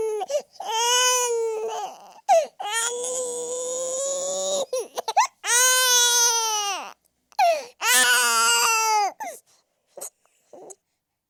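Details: Baby boy crying, a sound-effect recording: loud, sustained crying in long wails with sharp catch breaths between; intense infant crying.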